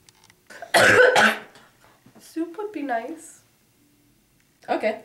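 Two loud harsh coughs followed by a short spoken sound; an acted cough in a comedy skit.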